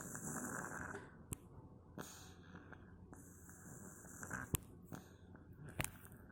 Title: Ada kucing lucu nih tidur nya mendengkur keras lucu deh